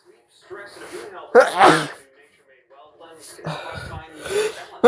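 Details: A loud, sudden sneeze after a quick in-breath, with voiced sounds around it, made as a birthday tribute.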